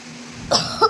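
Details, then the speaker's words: A single short, sharp cough with a quick throat-clearing, from a woman who is very unwell with cough, sneezing, fever, headache and body pain. "तो की बहुत ज्यादा तबीयत खराब है खांसी आ रही है और छींके भी आ रही है"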